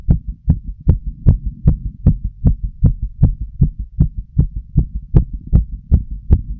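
Loud, regular lub-dub heart sounds with an even rhythm and no added noises.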